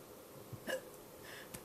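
One short, abrupt voiced hiccup over a background hiss, acted in a comedy sketch.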